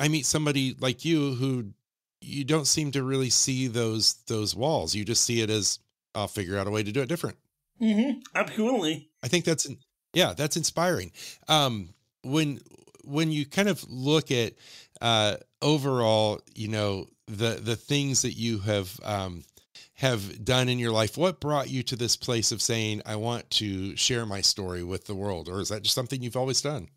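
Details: Adult male interviewer; Normal adult speech.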